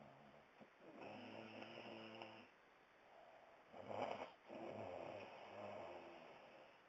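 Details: Snoring: two long, rattling, buzzing breaths in a quiet room, each lasting over a second.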